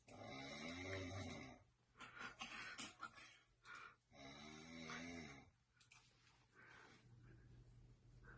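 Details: Person snoring in sleep: two loud rattling, buzzy snores on inbreath, each followed by a noisy airy outbreath; snoring.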